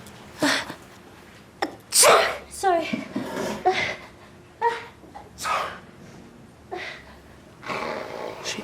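Acted scene with talk and a loud sneeze followed by sniffing and groaning; a staged sneeze.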